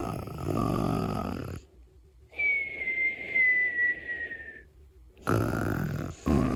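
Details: An adult playfully imitates snoring: loud rattling snorts on either side of a high, slowly falling whistle on the out-breath.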